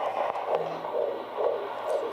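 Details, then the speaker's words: Handheld Doppler on a pregnant woman: soft rhythmic swishing whooshes of blood flowing through the placenta, placental souffle; baby's heart rate and growth normal. "that's a different sound that's a placenta that's the placenta you can tell it's swishing that's the blood flowing through the placenta"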